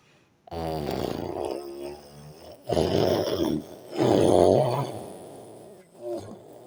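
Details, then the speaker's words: Snoring of an adult woman (wife) asleep in a hotel room, recorded on a phone voice recorder; she denies snoring. Loud, rough, grunting snores in quick bursts with a deep rattling, pig-like tone. "Now I'm using this phone voice recording so that you guys will hear how she snore like a pig. My wife dey snore like a pig."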